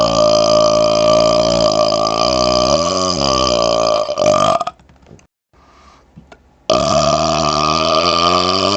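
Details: Two long, loud, rumbling belches with a brief pause between, burped right up close to a laptop's mic; deliberate burping.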